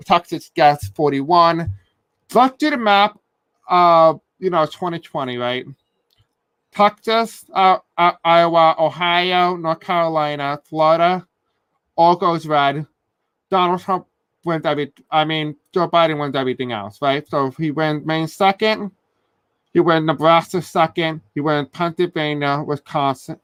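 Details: Adult male who says he has a deaf accent and may have a hard time pronouncing certain words; deaf speech.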